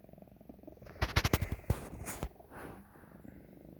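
Steady purring broken by a run of sharp, harsh hacking bursts and a raspy, noisy breath; coughing and wheezing while purring.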